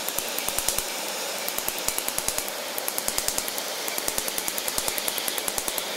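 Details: Rapid sharp snapping clicks, irregular bursts of Q-switched laser pulses (1064 and 532 nm) firing during a laser tattoo removal treatment at a clinic; a normal device sound.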